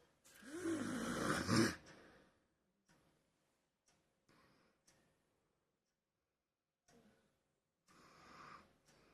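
One loud, rough, rattling snore, then quieter breathing sounds with softer snoring near the end. Heavy snoring.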